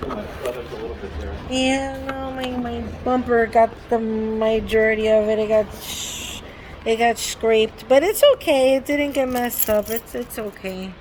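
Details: Adult woman with Tourette syndrome repeating words from a hearing-test word list; her tics, which she calls forceful and word-triggered, produce word associations, repetitions and extra words like 'wow' and 'sorry'; vocal tics (Tourette syndrome).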